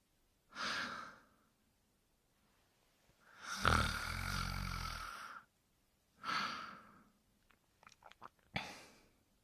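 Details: Slow, irregular noisy breaths with one longer rumbling in-breath snore in a quiet room; acted cartoon imitation of a dog character (Brian Griffin) sleeping and snoring.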